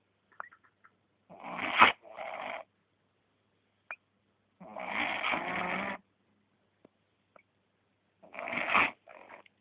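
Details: Sleeping male dog: loud, rough, snorting snores in three breaths, about 17 a minute, with quiet pauses between; ordinary snoring.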